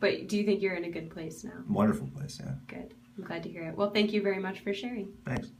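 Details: Adult woman; normal speech.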